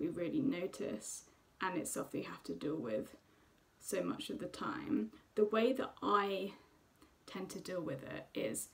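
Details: Woman who stammers; stammering.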